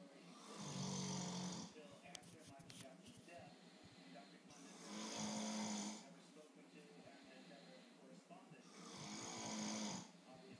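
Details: Loud snoring keeping a listener awake: three rough snoring breaths about four seconds apart, roughly 14 a minute, with quieter breathing and faint room noise between.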